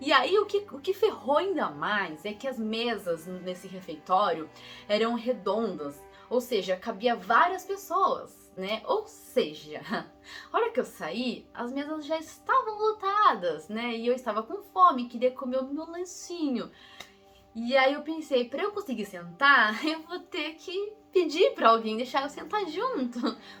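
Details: Young woman, real person who stutters, Portuguese speaker recalling an exchange trip she took at age 16; stuttering.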